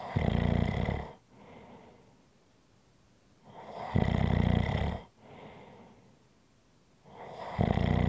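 Three loud, low rattling snores on each in-breath, with quieter out-breaths between, about 22 breaths a minute. Regular snoring.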